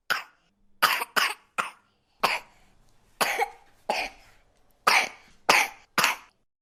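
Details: Baby coughing sound effect: a series of ten short, high-pitched infant coughs, some single and some in quick pairs.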